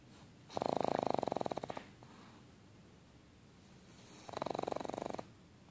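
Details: Pug snoring: two loud, rattling, fluttering snores on breathing in, with a quieter breath between them.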